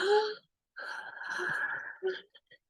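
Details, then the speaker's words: A nursing instructor imitates the whistling sound of wheezing on breathing in and out, described as a sign of fluid overload with crackles; imitated wheeze. "You will hear wheezing when they you will hear that kind of, when they breathe in, it's like a whistle. When they breathe out,"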